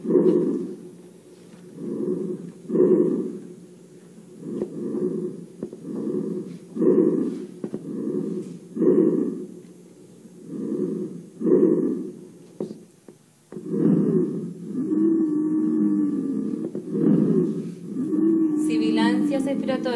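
Harsh, hollow tracheal breath sounds cycle steadily, then musical whistling tones appear across the breaths: wheezes heard over the trachea.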